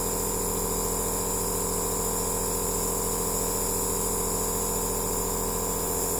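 Steady mechanical hum with a fast rapid pulsing throughout, the continuous running sound of an aerosol nebulizer machine.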